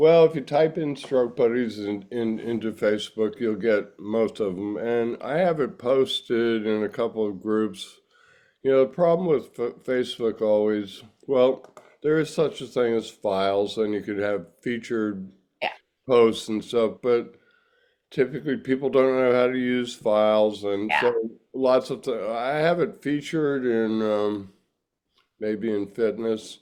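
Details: Adult man; typical speech.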